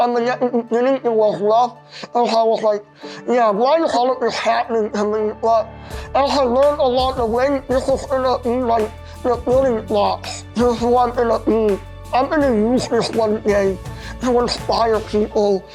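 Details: 21-year-old man with a very rare syndrome affecting face, eyes, fingers and throat; palate and throat surgeries not fully successful, further surgery hoped for; hypernasal speech with imprecise articulation from palatal involvement.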